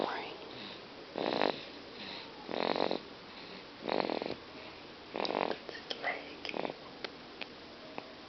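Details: Sleeping baby boy after his baptism: repeated rough, snorting breath noises about every 1.3 seconds, then softer clicks and shuffling; snoring.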